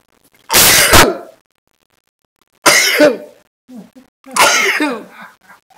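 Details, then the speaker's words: Sneezing in real time, filmed for slow-motion footage: a loud explosive burst with a sharp rush of air, then two more forceful noisy bursts; sneezing. "I don't know how I got talked into this but here I am and it's time for the ultimate sneeze so here comes a sneeze in real time"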